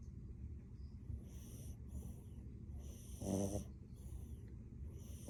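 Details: Sleeping blue French bulldog puppy: soft, low rumbling breaths with a brief louder snorting snore and faint room noise; snoring.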